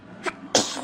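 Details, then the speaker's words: A small inhaled catch, then one sharp, bright sneeze burst from an infant. "Bless you. Bless you. Bless you. Baby sneeze fart."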